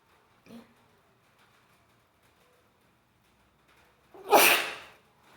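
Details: Tickle-induced wet sneeze: a quiet catch of breath, then after a pause one forceful hissing sneeze.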